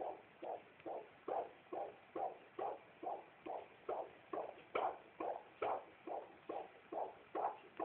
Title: babys heart beats -2009-12-01-17-48-42